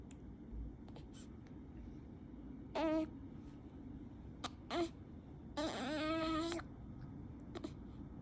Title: Newborn baby making newborn sounds